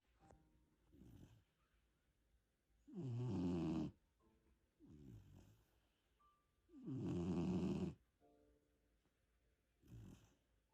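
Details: Rough, rumbling snores on each in-breath from a 3-month-old puppy, two loud with softer ones between, about 15 breaths a minute; snoring.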